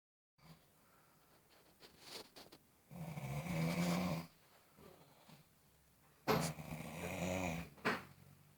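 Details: Loud, rattling inhaled snores in two long bursts with softer snorts between; snoring.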